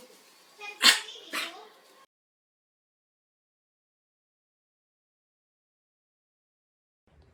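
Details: Dog coughing, labelled kennel cough: two sharp, harsh hacking coughs, then silence.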